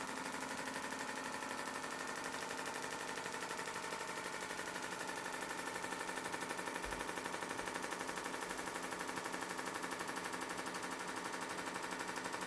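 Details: Shockwave therapy device self-applied during a live tendon treatment, nearing 1,000 shots, held longer over tender spots: rapid, very regular mechanical clicks about four per second; shockwave device firing.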